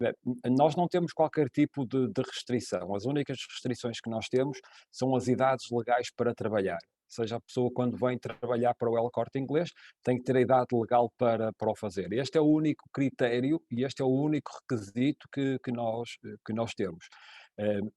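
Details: Adult man speaking European Portuguese; normal fluent speech.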